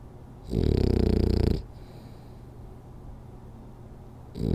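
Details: French Bulldog snoring hard during a 10-minute nap: a loud, rattling, low snore on one long breath, then quiet before the next snore.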